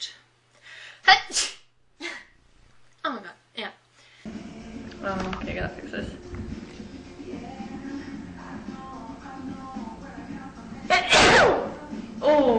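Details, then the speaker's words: Woman saying she needs to sneeze makes several short breathy sounds, then a loud explosive sneeze near the end, with talk and music in the background. "Oh my god. I'm gonna sneeze. Excuse me."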